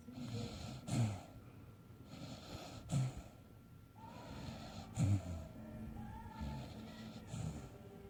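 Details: Low, rattling snorts about every two seconds with faint background sound between them; snoring during sleep.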